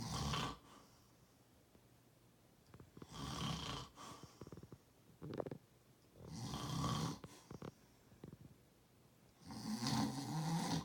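Rough, rattling snores on each breath, roughly every three to four seconds, with quiet pauses between; ordinary snoring.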